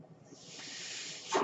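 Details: A soft airy hiss swells and ends in a brief louder puff as a man's own ventilator delivers a breath while he records a spoken podcast: mechanical ventilator breath cycle.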